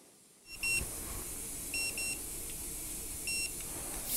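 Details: Full-mouth intraoral radiograph series on a returning dental patient, bicuspid contact view aligned with a cotton-tip applicator: short high electronic beeps over steady room hiss from a dental X-ray unit during exposure.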